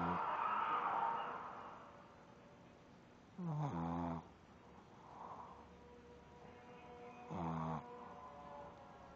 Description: My Shih Tzu snoring while sleeping =]